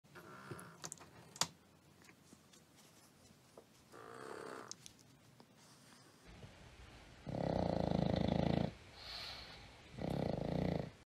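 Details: Pug dog snoring: loud, rattling snores with long noisy breaths in a quiet room.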